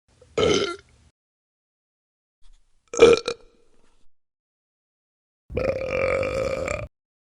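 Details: Sound-effect recording of belching: three loud burps with silence between them, the last long and drawn out.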